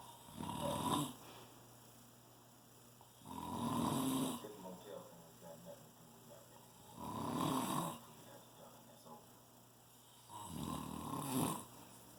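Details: Ordinary snoring: four loud, rasping snores on inhalation, about 18 a minute, with quiet breathing between them.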